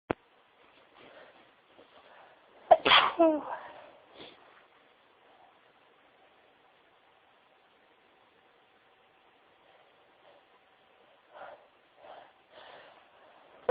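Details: One loud, sharp sneeze with a brief follow-on burst, sneezed into tissues, then soft tissue rustling; sneezing.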